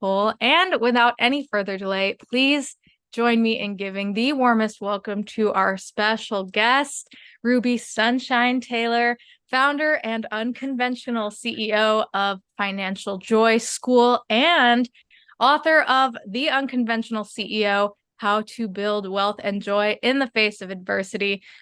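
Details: Adult woman speaking; typical speech.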